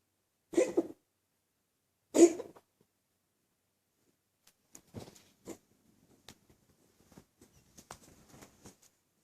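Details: A dog gives two short, harsh coughing bursts about a second and a half apart, then faint clicks and shuffling; a dog cough recorded at Christmas 2012.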